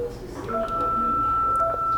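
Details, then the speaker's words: Defibrillator in a practical demonstration of synchronized electrical cardioversion, charged with the yellow side button and no shock given to the patient: brief beeps, then a steady high tone signalling the charge is complete and ready to shock. "escutaram um barulho, esse barulho está mostrando a carga, que já está pronta para o choque."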